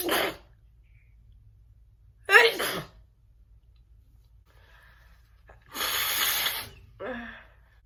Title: Big sneezes mixed wit stifle sneeze